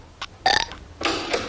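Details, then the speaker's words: A cartoon burping contest among kids, with their mother forbidding burping: several loud, drawn-out belches. "are you kids doing now we're having a contest mom watch knock it off I do not allow burping in this house"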